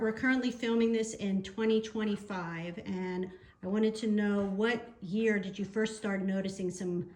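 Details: Adult speaker, likely a woman; normal speech.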